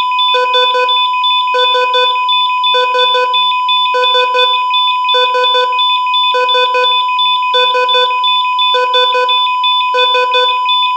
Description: EKG Sound Effect. Heart Rate Monitor Sound. Hospital Sound.